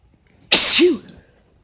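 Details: Boyfriend sneezing, cause uncertain (allergies or cold): a single sharp, explosive sneeze with a brief voiced tail, in a quiet room.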